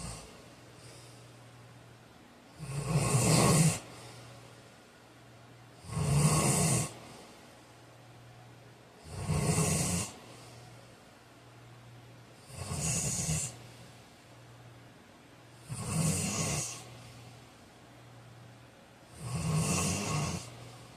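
Loud, rough snores at about 19 a minute, each breath in rattling with snorting; an ordinary heavy snore during sleep.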